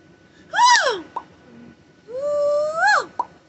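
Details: Adult parent of five with tics, in a tic attack after a stressful day, on antibiotics and steroids for an ear infection, off Benadryl: two abrupt high-pitched vocal sounds, each rising then dropping, then short clicks. Vocal tics.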